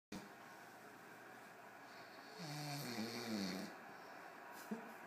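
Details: A person snoring during sleep: a single rough, fluttering snore over steady room noise.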